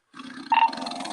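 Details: Two people snoring at once, one loud and motorcycle-like, the other a regular snore: rough rumbling breath noise with a brief whistling tone partway through.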